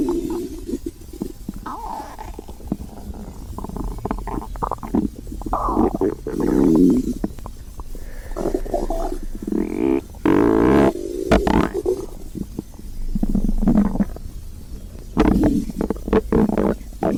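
Low gurgling rumbles and squeaky tonal growls come and go irregularly from the belly; ordinary hunger stomach growling.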